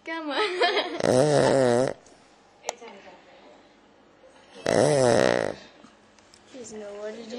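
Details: Two loud, rough, rattling snores on inhalation with quiet pauses between; ordinary snoring.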